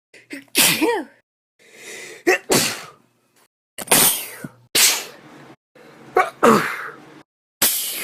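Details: Person sneezing repeatedly for about a whole minute, without using pepper to trigger it.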